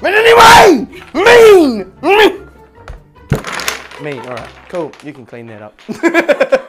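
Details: Adult man with Tourette syndrome, tics occurring during his speech while playing a game; vocal tics (Tourette syndrome).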